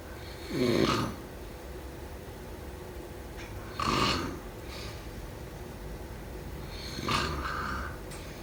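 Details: Snoring during sleep: short snorting snores roughly every three seconds, with faint sighing breaths between them and low room hiss.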